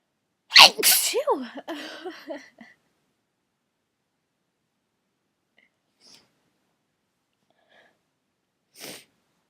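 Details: Morning sneeze: one loud, forceful adult sneeze with a sharp burst of air, then quiet with a faint sniff and a short breath afterward; sneezing.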